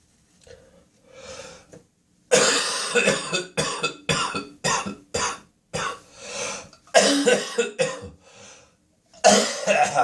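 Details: An adult's early-morning coughing spasm in the bathroom with spitting and nose blowing: a run of forceful, wet-sounding coughs with throat clearing and breathy pauses; productive cough with throat clearing.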